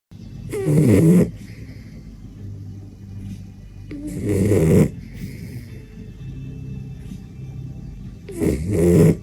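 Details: Loud, rattling snores, about 16 a minute, with soft breathing between, from a sleeping dachshund; snoring.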